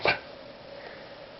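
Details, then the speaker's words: Dog with a gagging cough, not spitting anything up: one short, harsh, dry cough burst, then quiet. Bouts are about 6–8 coughs. "so it sounds like a gagging cough she's not spitting up anything"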